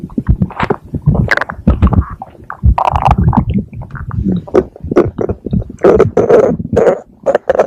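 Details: Stomach growling: loud gurgling and squeaky, bubbly rumbles in irregular bursts.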